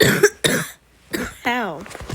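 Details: Several harsh coughs in quick succession, then a short voiced groan; repeated coughing from a gamer, recorded while playing a game.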